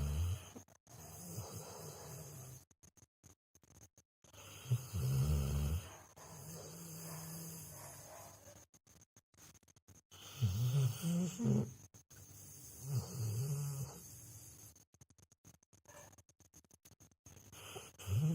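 Low, rumbling, fluttering sounds on the breaths in and out of a sleeping dog, about every four to five seconds: snoring.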